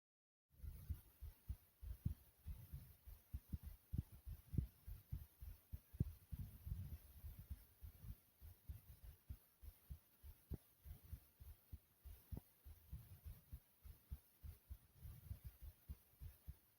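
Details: A person's own normal heartbeat, described as smooth and soothing: steady, soft, low adult thumps, even and unhurried, with a faint background hiss.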